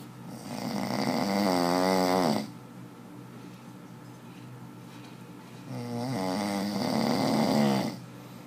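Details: Two long, loud, buzzing snores with a quiet pause between, the rattle rising and falling within each breath; snoring.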